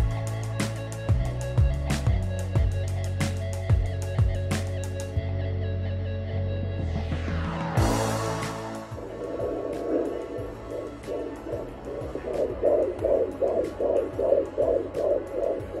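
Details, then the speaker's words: Fetal heartbeat heard on a Sonoline B home Doppler, used by the pregnant mother on her own belly with gel: a fast, regular whooshing pulse of about 150 bpm, roughly twice the mother's rate, with the baby moving. "That's the baby's heartbeat right there, going high and high. So like the baby actually moves, and you'll know it's the baby's heartbeat because it is, or like in that range, but yours, if you happen to hear it, it's literally like divided by two. So the baby's heartbeat is two times as fast as yours."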